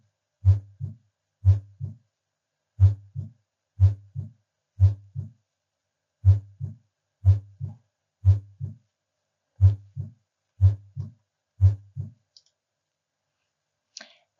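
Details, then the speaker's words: Supine patient, diaphragm at mitral area (fifth intercostal space, midclavicular line): regular heartbeat near 60 a minute, each beat followed by a crisp early-diastolic click: opening snap of mitral stenosis. "again it is a diastolic heart sound and is associated with mitro stenosis"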